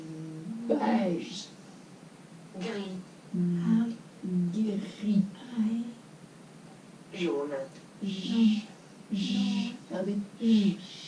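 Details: Woman after a stroke repeats colour names after a speech therapist in a colour-naming exercise targeting verbal apraxia, with difficulty programming speech sounds; apraxia of speech.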